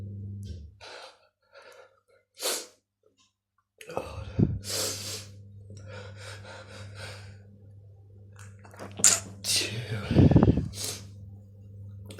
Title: Sneezing Attack!